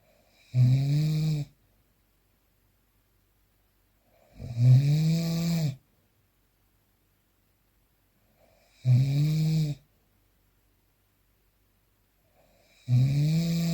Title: The sound of snoring during sleep #2